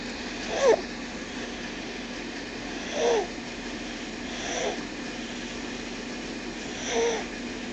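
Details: Four brief, high-pitched squeaky snorts every two to three seconds over steady hum; infant's light snoring.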